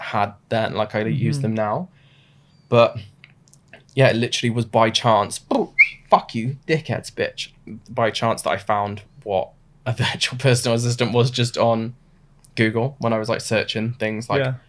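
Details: Adult man diagnosed with Tourette syndrome suddenly in his mid-twenties; involuntary vocal tics with swearing interrupt his speech. Finding: vocal tics (coprolalia) in Tourette syndrome.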